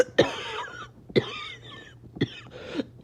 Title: Awful barking and wheezing cough